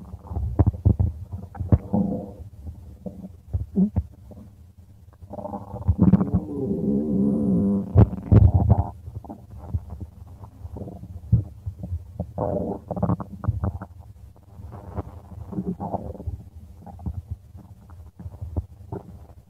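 Low, irregular gurgling and rumbling with a longer growl in the middle; ordinary stomach rumbling.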